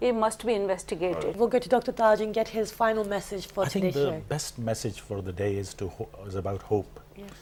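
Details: Adult speaker; typical speech.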